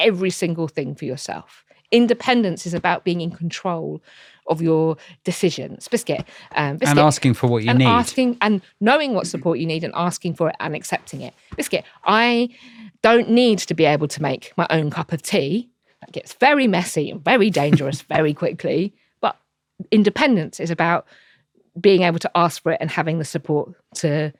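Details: Tourette syndrome in an adult woman diagnosed in her mid 20s and a wheelchair user, with frequent involuntary vocal tics of repeated words, including coprolalia.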